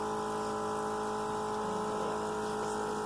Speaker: you've got turn off suction device disconnect suction catheter from connecting tubing